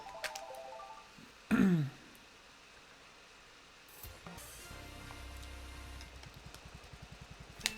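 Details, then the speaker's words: A single brief, harsh cough from an adult with asthma, currently poorly controlled and without an in-date inhaler, heard over background music and clicking sounds. "Excuse me. Sorry about that. I apologize if anyone doesn't like the sound of coughing or anything like that. I have asthma."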